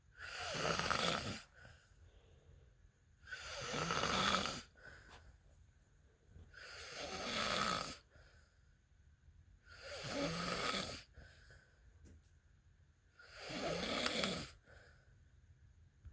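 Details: Sleeping husband: five loud, rough, rattling snores on each in-breath, about 18 breaths a minute, with quiet exhalations between; ordinary snoring.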